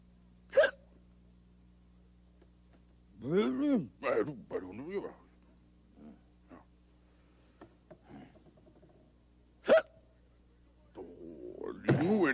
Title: Sesame Street: Two Headed Monster- Hiccups (1979)